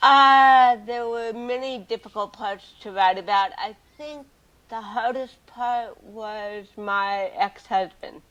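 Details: Adult woman with cerebral palsy from birth, also hearing impaired and wearing hearing aids, speaking in a real 2013 interview; dysarthria in cerebral palsy.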